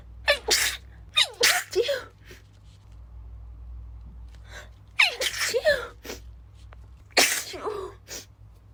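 Several stifled sneezes, each with a sharp gasping intake and a muffled burst, in clusters: repeated sneezing.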